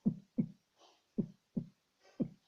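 Regular low lub-dub heartbeats at about 60 beats a minute with faint background hiss; a normal first heart sound, the louder 'lub'.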